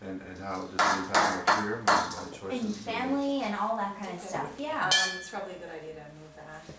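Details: Adult speaker; normal speech.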